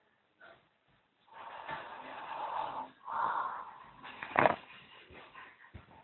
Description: kurdish guy snoring in sweden...very funny....2008